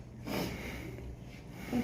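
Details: A 3-day-old newborn's first sneezes: two brief, soft sneeze bursts, the second cut off at the end.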